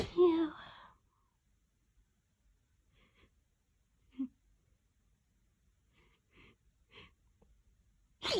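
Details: Stuck, loud, wet sneezes: a loud wet sneeze, then quiet breathy catches during a long build-up before another sneeze begins; ordinary sneezing.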